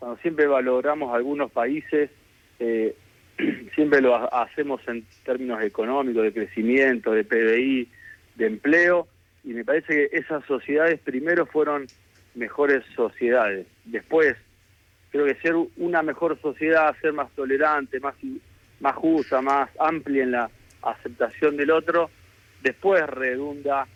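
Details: Adult man with stuttering since childhood that persists, speaking in a live Spanish radio interview; stuttering.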